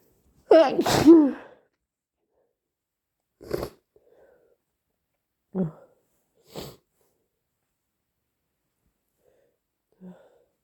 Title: Loud wet sneezes, sniffles and blows! (inducing + allergies??)